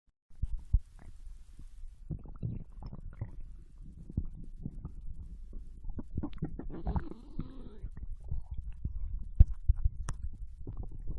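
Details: Bowel sounds recorded from a Japanese girl lying on her side in bed while digesting ramen: irregular low gurgles and rumbles with soft squeaks over a quiet background, ordinary digestive bowel sounds after a meal.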